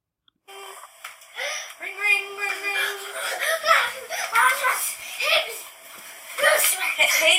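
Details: Young boy with echolalia who echoes everything he hears, using the same prosody and intonation as the adult speaking to him: echolalia.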